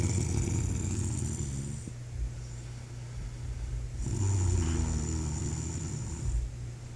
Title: Snoring the reason I'm up at night